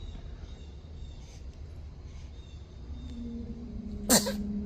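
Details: Infant boy held in his father's arms while passing stool into his diaper gives a single sharp sneeze after quiet room noise, followed by a faint whimper.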